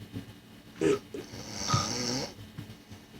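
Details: Snoring during sleep: a single rough, rattling breath sound with faint room noise.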